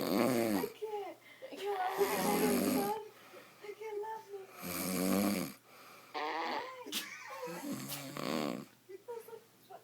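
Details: Man knocked out asleep on the couch: loud, rattling snores every few seconds over a low steady room hum; snoring.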